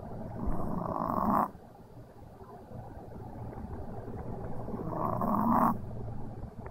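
Slow, rattling snores on the in-breath, about two in under seven seconds, with quieter breathing between; a dog snoring in sleep.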